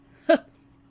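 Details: A single sudden, brief hiccup-like vocal sound during a livestream by a young woman with Tourette syndrome, who reports being very ticcy tonight after a tic attack the night before; a simple vocal tic.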